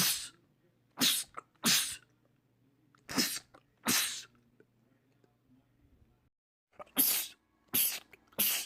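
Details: Male sneezing compilation clip: about ten sharp, explosive sneezes in quick clusters over nine seconds, rapid repeated sneezing.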